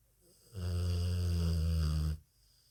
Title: Dog Sleeping 🐕 Snoring loudly, "Buster Brown"